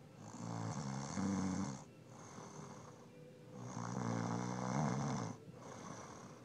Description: She said that her snoring wasn't loud.